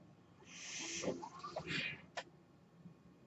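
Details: Mechanical ventilator that a podcaster says is his own, audible in the background as he introduces his podcast: a mechanical ventilator breath cycle.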